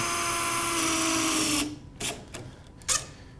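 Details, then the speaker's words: Steady high-pitched power drill whine over 1.5 s, then stops, with sharp clicks: a self-drilling, self-tapping pin drilled into bone, aiming bicortical, while building a knee-spanning external fixator. "These are self-tapping, self-drilling screws that we're utilizing."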